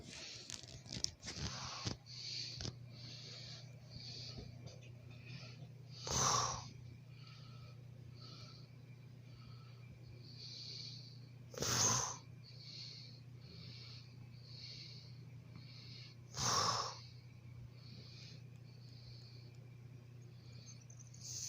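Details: Three loud snorting snores about every five seconds over quiet, steady breathing and a low room hum; ordinary snoring.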